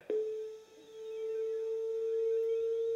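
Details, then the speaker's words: Defibtech Lifeline fully-automatic AED with adult pads applied, after voice prompts analyzing heart rhythm and shock advised: steady pure electronic tone as the defibrillator charges before delivering a shock; AED charging tone. "anal izing heart rhythm do not touch the patient shock advised charging stand"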